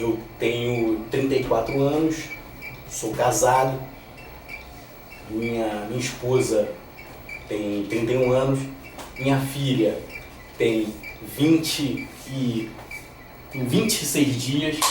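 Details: Lifelong stuttering in a 34-year-old man, much worse in the past and now reduced but still present, with repetitions and blocks.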